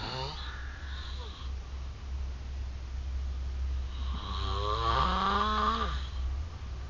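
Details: Heavy snoring from a man: a loud, continuous, low rattling rumble with brief higher-pitched, voice-like snorting tones at the start and near the end.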